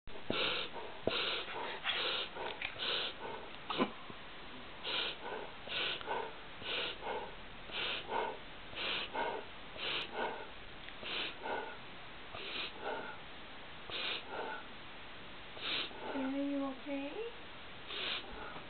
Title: Reverse Sneeze Syndrome